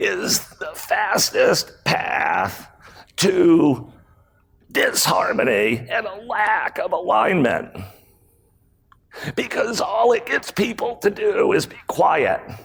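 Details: Adult man with spasmodic dysphonia, a rare voice disorder acquired in 2010, in which his throat muscles spasm and contract when he talks; spasmodic dysphonia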